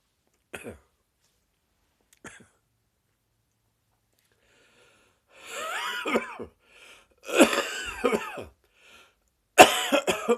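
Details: Adult with a persistent morning cough lasting six weeks: two short coughs, then longer harsh coughing bouts with a wheezy, whistling edge.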